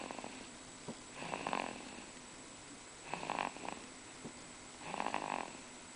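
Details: Two-month-old snoring in sleep: soft rhythmic snoring on each breath, about three snores in six seconds, over steady room hiss.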